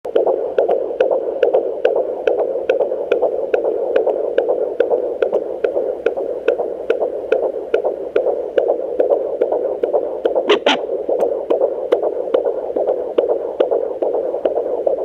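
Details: Surrogate mother's fetal Doppler picks up a strong, rapid, regular whooshing fetal heartbeat at 141 beats per minute, a normal fetal heart rate.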